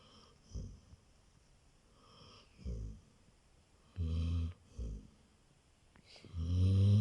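Irregular low snorting snores from a sleeping dog, several short rumbling breaths with one louder, longer snore at the end.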